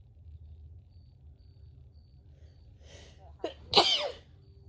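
A faint rising in-breath, then a short catch and one forceful, voiced sneeze over quiet room noise, in a person with a cold.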